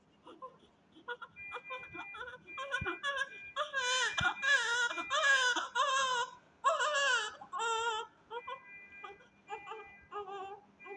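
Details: Newborn baby just after birth, with extra fingers, differently formed feet and other anomalies, crying: short whimpers building into loud high-pitched bursts, then easing to softer fussing; newborn cry.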